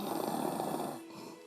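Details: Mother recorded snoring: a single loud, rough, rattling breath sound that fades out; snoring.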